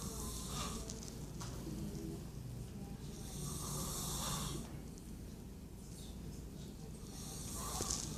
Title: Dude snoring at doctor's office